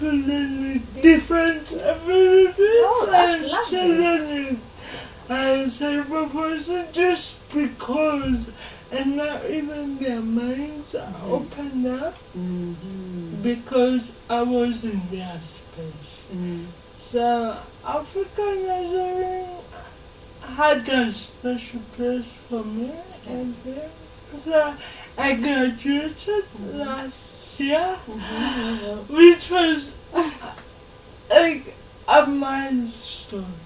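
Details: Dysarthria in a 27-year-old woman with lifelong cerebral palsy; she can speak but is given extra time to talk, in a real TV interview.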